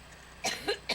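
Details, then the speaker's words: Three short, sharp cough bursts in quick succession from an adult woman during a speech in Harlem, over faint room noise; a brief coughing attack. "she had yet another coughing attack and every time I put a new video up they seem to be going on longer and being worse"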